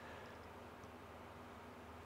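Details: Endoscopic microsuction removing very tough, dry, crumbly ear wax mixed with dry skin from a patient's ear canal: steady airy rushing roar of the suction tube.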